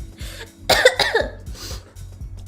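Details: Coughing, along with sniffling, heard during a livestream.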